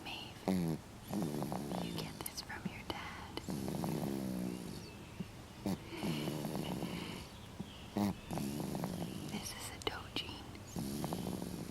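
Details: Six-month-old baby snoring: repeated soft, fluttering noisy breaths with a rattly sound on each breath.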